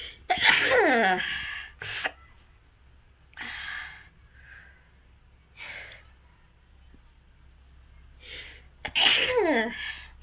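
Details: Two loud acted sneezes, each preceded by a sharp intake, with softer breaths between, in a sneezing and nose-blowing challenge; sneezing.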